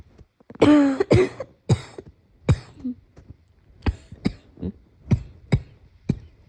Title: Morning cough